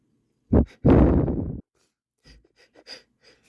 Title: strong sniffly sneezes + blow (m)